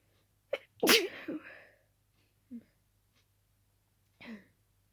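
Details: Night-time sneezing when sleepy; the sneezer suspects dusting the room before bed as the cause. A small nasal burst, then one strong sneeze with a trailing breath, followed by two soft snuffles in a quiet room.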